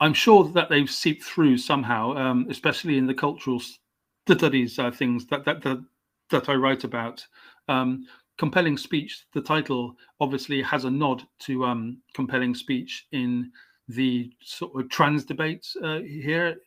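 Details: Stammering (stuttering) in an adult male English writer since age five; it comes and goes, was really bad at 29 when he had speech therapy, and he says it is always still there.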